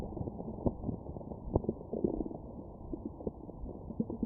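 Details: Stomach growling recorded with a Stemoscope after a McDonald's meal: low gurgles and rumbles with a few louder pops; ordinary bowel sounds of digestion.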